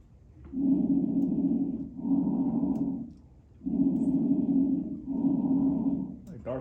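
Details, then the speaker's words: Normal bronchial breath sounds, loud, deep and hollow ("Darth Vader"-like) with clear inhale and exhale phases, heard over the large airways, where bigger tubes carry more air; from a COPD breath-sound teaching clip. "Vader your normal breath sounds the reason why does it sound like it's more like said Darth Vader more deeper sounds it's because you this is the sounds that you're going to hear more toward the bronchial the bronis okay"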